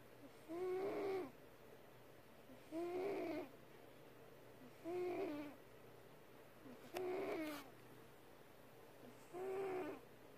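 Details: Cat snoring for about a minute: regular rhythmic snoring at about 28 snores a minute, each a short vibrating tone on the breath with quiet pauses between.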